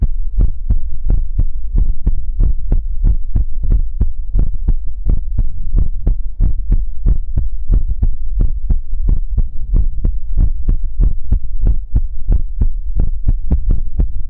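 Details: ASMR heartbeat sounds during a relaxation livestream: steady, deep double thumps at about 100 beats a minute, muffled and close; heartbeat.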